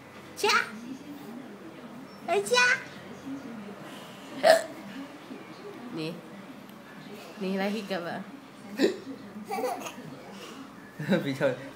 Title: hiccup laughing out loud